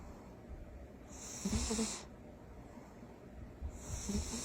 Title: Cat snores loudly